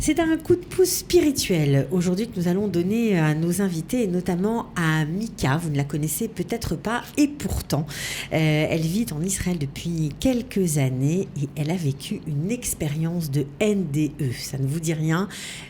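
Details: Adult woman; normal speech.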